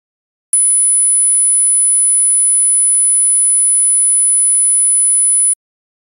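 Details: Simulated tinnitus: one of ten tones emulating common tinnitus sounds, each a different waveform and frequency, heard as a steady, very high-pitched whistle with a faint hiss lasting five seconds.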